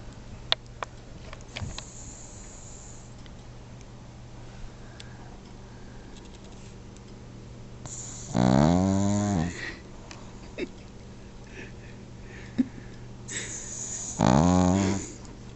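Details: Ginger asleep, snoring: two loud, rough, rattling snores about six seconds apart with quiet room noise between; ordinary snoring.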